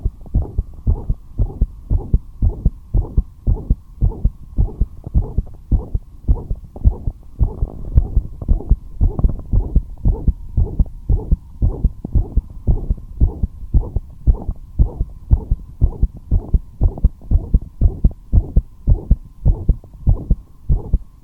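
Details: Fast, regular heartbeat near 115 a minute with low whooshing between beats: heart murmur; the heart rate rose despite the patient staying at rest.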